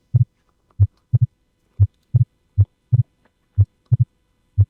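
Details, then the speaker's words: Split second heart sound, one ventricle ejecting slightly slower: regular low heart sounds about 60 a minute, second sound heard as two close, similar-pitched taps. "that is a split heart sound, and now you can hear the difference between that and the other sounds that we've covered so far in this video."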